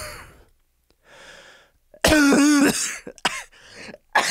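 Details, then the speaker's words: Adult male with a cold and congestion does a deliberately drawn-out fake cough, extending the exhalation, that turns into a loud, harsh real cough; recorded as raw material for a dragon sound effect. "I'm hoping a little bit of the rasp comes through but I basically I'm gonna do a fake cough because I really want to extend the exhalation"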